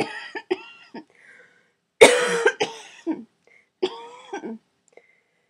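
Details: Repeated harsh coughs in short bursts with a rough, rattly quality from a woman with cystic fibrosis and severely decreased lung function, just home from hospital.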